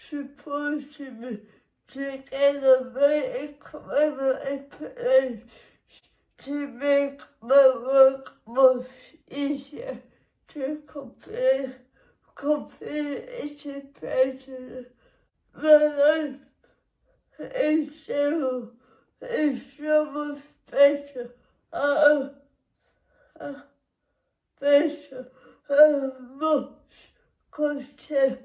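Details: Dysarthric speech in a woman with cerebral palsy, which makes her muscles and movements difficult; the speech disorder itself is not named.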